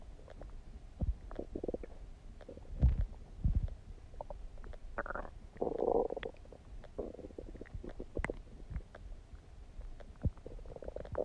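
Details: Bowel sounds (borborygmi).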